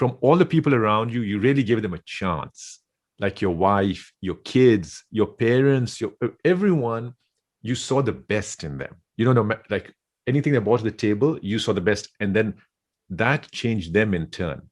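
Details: Adult male speaker; Normal speech.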